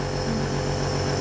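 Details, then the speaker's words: Compressor nebulizer switched on for home nebulization of a young child, with the mask held to the baby's face as a demonstration; a session takes about 10–15 minutes. Steady loud motor hum with a low droning buzz. "Sau đó thì là em bật máy lên. Đấy. Em nhìn thấy hơi nó lên như này là được này."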